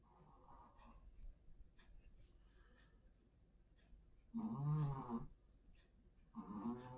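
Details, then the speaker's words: Dog snoring in a quiet room with faint scratching: two loud, rumbling snores about two seconds apart. "mon chien qui ronfle je sais pas vous l'entendez ronfler mais ça y va"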